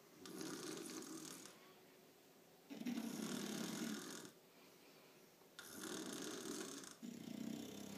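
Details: Snoring from either a bulldog or a hungover human man: loud rasping snores on each breath, about four cycles over eight seconds with quieter gaps.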